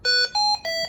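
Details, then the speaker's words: Three sustained electronic alarm tones at changing pitches from a Hamilton ventilator in an emergency department training walkthrough: an O2 failure alarm, meaning too little oxygen is reaching the patient. "the O2 failure alarm. This alarm indicates that there is insufficient O2 being delivered to the patient."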